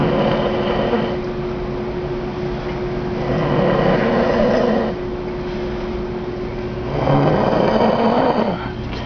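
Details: Person sleeping at night in Cancun, snoring like this every night: loud, coarse, rasping snores running almost continuously over a steady background hum; heavy snoring.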